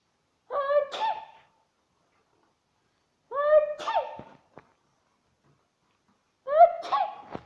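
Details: An adult sneezes three times near a pug; each sneeze is a voiced rising intake followed by a sharp burst.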